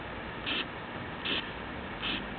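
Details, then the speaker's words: Simulated carotid bruit on an auscultation manikin, stethoscope on the neck: three soft rhythmic whooshing bursts over hiss with no heart sounds, turbulent carotid flow. "sam provides several brewery sounds in the neck listen as a stethoscope is placed here"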